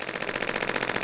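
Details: Radial shockwave therapy for chronic plantar fasciitis (over 3 years, heel pain worst on rising), applied to trigger points on the calf: rapid rattling, ratcheting clatter like a mini jackhammer, counting down repeated impact pulses.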